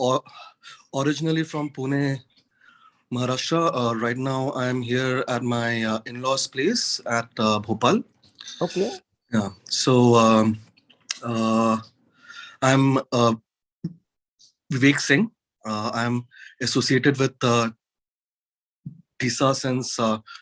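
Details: Adult man with stuttering, real, involved with a stammering association since 2010; he says courses, including the McGuire course, helped him manage his stutter.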